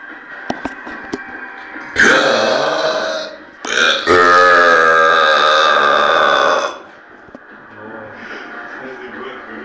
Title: Winter burps 1